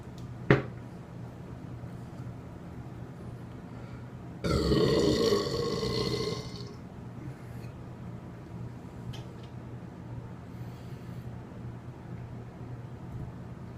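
A single long, loud, rumbling belch over quiet room noise: a burp.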